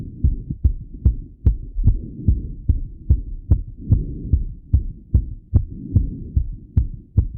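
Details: Male heartbeat heard through own stethoscope after coming home from a run, thumping; normal heart sounds with fast rate after exercise.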